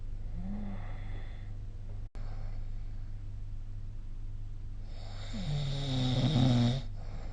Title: 🐽 Snoring Sleep Sound